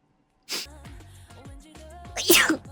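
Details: A sneeze from a streamer during a live broadcast: sneeze.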